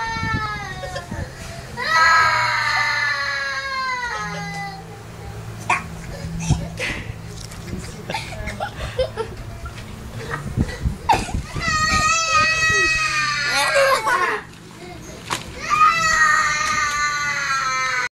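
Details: Child crying to her mother: loud, high-pitched wailing cries in bursts with sobbing breaths between, over room noise and background talk; ordinary child crying.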